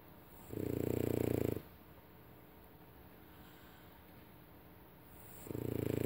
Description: This is my french bulldog puppy and my fiancee both sleeping. You can hear Bacon snoring loudest, and my fiancee is more of the wheezey one this time.